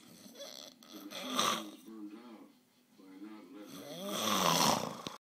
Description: slow snore buildup.